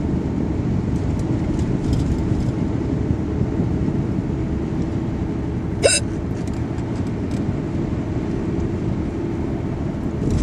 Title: Bad hiccups